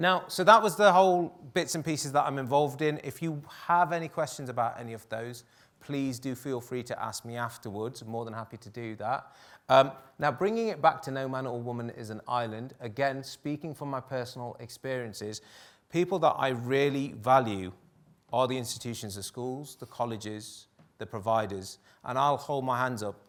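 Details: Adult male speaker; no disorder.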